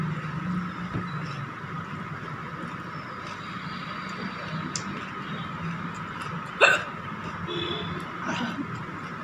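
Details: Woman's hiccups after eating very spicy green chili with dal and rice: one sharp, abrupt gulping hiccup, perhaps two fainter ones, against steady background hum.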